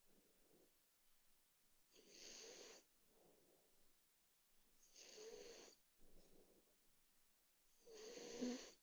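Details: Soft, wheezy snores on each breath, about three seconds apart, with quieter breathing between, from a sleeping dog; ordinary harmless snoring.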